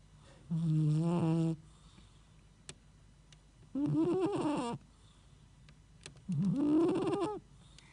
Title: cat snore when sleep !!!